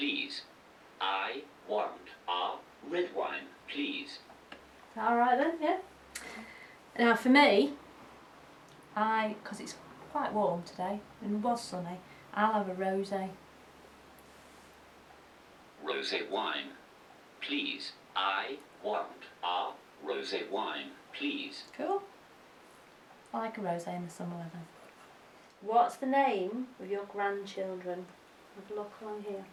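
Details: Expressive aphasia about 2-3 years after stroke, with significant expressive language difficulties, verbally repeating phrases built on an iPad AAC communication app.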